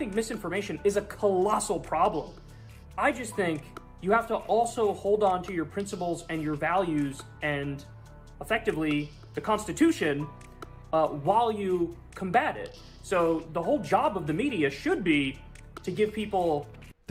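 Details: Adult speaker; normal speech.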